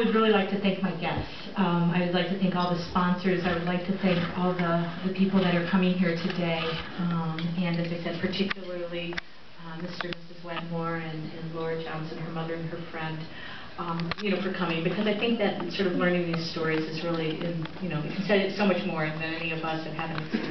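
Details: Adult speaker; typical speech.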